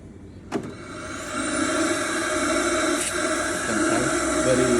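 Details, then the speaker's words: A click, then a steady rushing roar with motor whine that builds and holds: the suction of a portable dental care unit running during a demonstration, its power adjustable up to maximum. "very powerful that maybe this one is uh better than the old one. It's more powerful"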